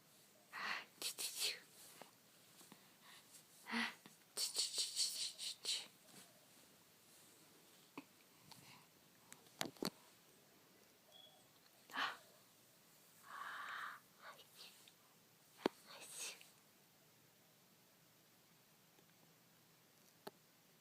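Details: A few soft, sharp infant sneezes in a quiet room, with small breathy noises between.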